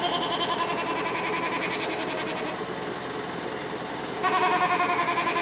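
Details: 11-month-old child in a high-frequency chest wall oscillation airway clearance vest: rapid, steady buzzing pulses about 3–4 a second, with a shaky, vibrating vocal quality.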